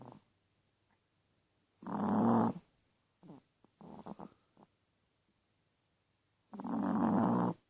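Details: Teacup Chihuahua snoring in sleep: two loud, rattling snoring breaths with brief snuffling sounds between them in a quiet room.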